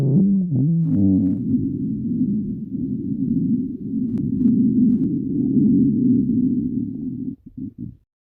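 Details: Stomach growling (borborygmi): a long, loud, groaning low growl with a warbling pitch, breaking into short gurgles at the end.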